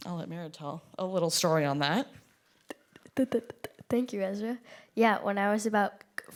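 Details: Event co-host who stutters, speaking live; stuttering.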